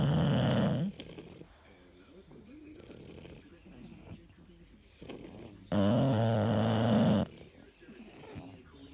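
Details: Sleeping bulldog snoring: loud, rough rattling snores with quieter snuffling breaths between them.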